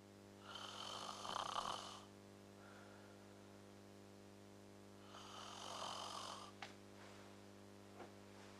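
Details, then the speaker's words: Acted snoring from a short film about a couple dealing with snoring: two loud, rattling snores a few seconds apart, then short snorts, over a steady room hum. "Jeez, I'm just snoring, I can't help it."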